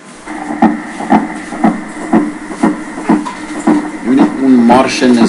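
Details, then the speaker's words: Needle EMG: regular bursts of crackling pops about twice a second, like marching footsteps, over static; myokymic discharges, rhythmic grouped spontaneous activity, as in facial myokymia, radiation plexopathy, chronic nerve compression or radiculopathy. "In extrimities it can be seen in radiation plexopathy, chronic nerve compression such as in CTS and radiculopathy, and finally in rattlesnake venom And now a few example for myokymic dischrges"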